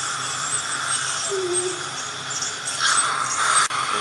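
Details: Steady, high-pitched whine of a dental scaler with water hiss as unusually heavy hardened calculus (tartar) is removed from a female patient's teeth.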